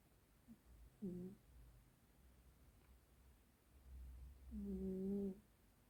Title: Cute Black Cat Snoring Loudly